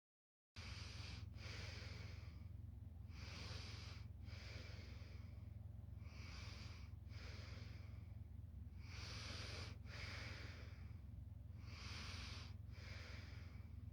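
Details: Quiet snore: soft, regular snorting breaths repeating steadily over low background noise.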